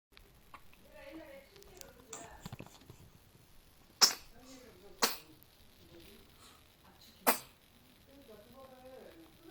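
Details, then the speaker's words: Baby hiccups in one of twin boys: three abrupt, sharp catches a few seconds apart amid soft baby vocal sounds. "딸꾹질을 멎었네 이제. 응. 이제 딸꾹질 하는 거 찍으려고 했어?"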